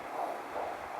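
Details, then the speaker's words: Home Doppler on a pregnant woman with pregnancy anxiety, baby due within weeks: rhythmic whooshing pulses of the fetal heartbeat at a fast, typical rate. "It's a home Doppler machine which basically will measure the rate of the baby's heartbeat and you actually get to hear it."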